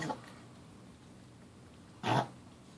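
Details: Short snorting, honking inhalation bursts from a Yorkie, which was eating and is not choking; owners suspect reverse sneezing.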